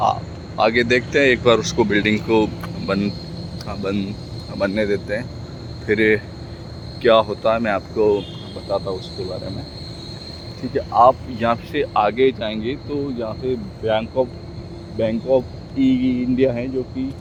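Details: Stuttering in an adult male Hindi speaker practising speaking, with word repetitions.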